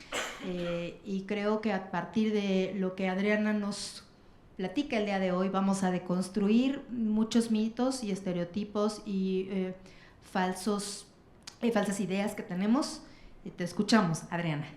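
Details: Adult woman; Normal speech.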